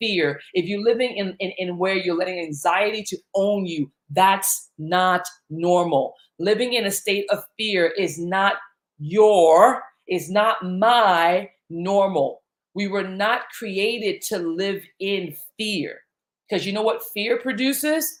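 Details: Stuttering in a man whose stutter began in childhood, around age eight, during a time of intense fear.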